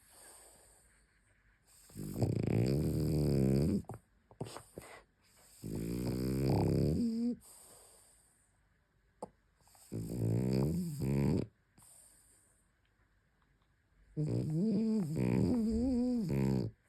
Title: Snoring, sleep with eyes open, twitchy dream face the lot! 😂You gotta love a sleeping frenchy 🐾